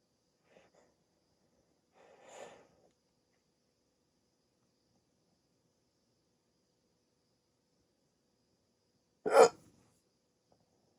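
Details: Adult with sleep apnea, just woken from sleep on CPAP treatment, during a rare 16-minute hiccup attack: a few brief, abrupt, isolated sounds with quiet gaps, the loudest a sharp gulping burst; hiccups.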